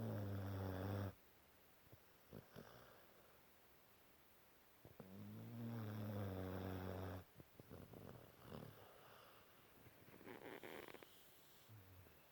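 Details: 5-month-old Cane Corso snoring after a hard day: two long, low, rumbling snores on inhalation about five seconds apart, with quiet breathing and small sounds between; ordinary snoring.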